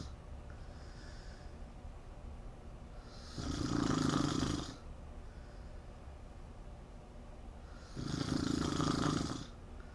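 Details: Two loud, rattling snores on breathing in, about 4 to 5 seconds apart, roughly 13 breaths a minute; snoring.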